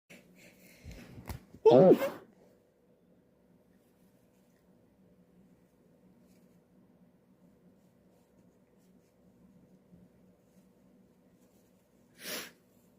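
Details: Person who can't stop sneezing: one sharp, loud sneeze, then quiet room hum and a fainter second burst near the end.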